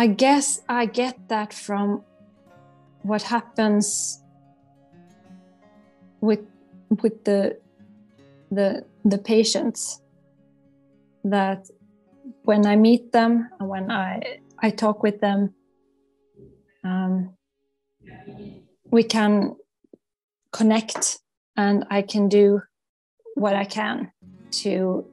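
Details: Stuttering in an adult psychologist who stutters and has worked with a stuttering coach, with audible word repetitions.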